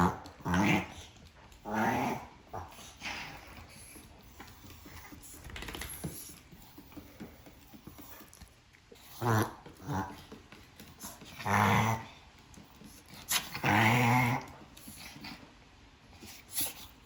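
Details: Reverse sneezing in a 4-year-old female Chihuahua: repeated loud snorting, honking inhalations in bursts, with quieter snuffling between them.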